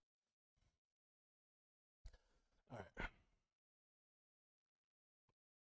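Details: Adult hiccups after taking medication, sometimes two or three back to back, heard during speech.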